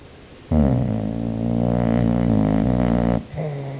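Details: Dog snoring: a long, low, buzzing, rumbling breath lasting nearly three seconds, then a softer one.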